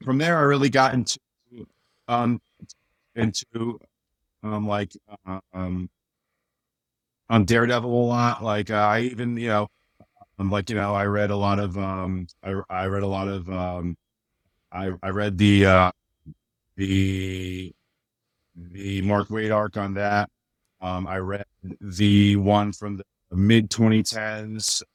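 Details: Adult man with a speech impediment since childhood, much worse then and greatly improved, still slightly audible; mild residual speech disfluency.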